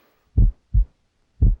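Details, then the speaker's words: Patient's heart auscultated during breath-hold after exhale: clean low lub-dub, S1 and S2 distinct, about 57 beats a minute; normal heart rate and normal heart sounds. "S1, which results from closure of the mitral and tricuspid valves, marks the start of systole. It's heard best at the apex, where it's louder, lower, and longer than S2."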